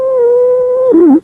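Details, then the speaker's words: Stridor, a sign of severe upper respiratory tract obstruction: a loud, high-pitched, harsh musical breath noise, a sustained tone that drops in pitch at the end. "ഈ strider എന്ന് പറയുന്നത് high pitched harsh breath sound ആണ്"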